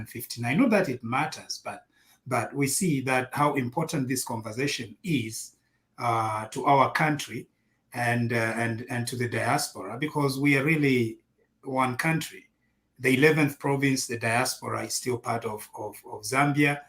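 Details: Adult male speaker; normal speech.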